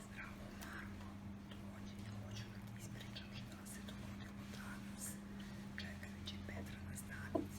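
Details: Clinic patient with psychogenic aphonia and a normal larynx, recorded before phoniatric treatment, using whisper while cough and laugh phonation are preserved; psychogenic aphonia.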